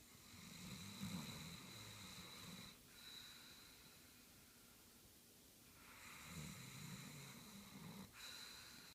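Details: Sleep snoring: two slow, low rattling snores on inhalation, each about two seconds, separated by a quiet pause.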